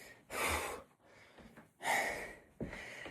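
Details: Adult in an occasional sneeze fit: sharp noisy in-breaths and breathy bursts in a quiet room, gasping between repeated sneezes.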